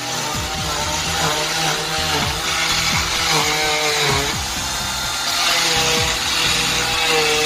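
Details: Loud, continuous high-pitched motor whine with grinding as an oscillating cast saw cuts through a cast to split it for an MRI; background music present.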